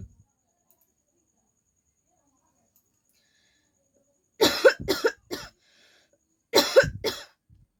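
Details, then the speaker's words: Woman filming a real coughing challenge gives two bursts of ordinary dry coughs, three then two, separated by silence. Cough. "तो ready करते हैं ठीक है मतलब start करते हैं और स्टार्ट करने से पहले मुझे खासी आ रहा है तो चलिए गाइस"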